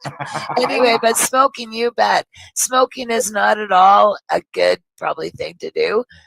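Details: Woman who had emergency throat surgery a couple of years ago, was unable to talk afterwards, and whose voice is now recovering; not from cannabis smoking; dysphonia after throat surgery.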